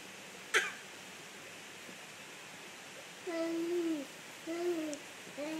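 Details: Slight cough in a young boy: one short, sharp cough, then sing-song babbling as he keeps trying to talk, in a quiet room.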